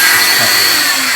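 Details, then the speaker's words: Oscillating cast saw running before removing a leg cast on a girl: loud steady high-pitched motor whine like a vacuum cleaner; the blade vibrates back and forth rather than fully rotating. "so a little bit loud like I said like a vacuum cleaner but this blade it doesn't actually do a full rotation like a solid Homewood this one just vibrates back and forth"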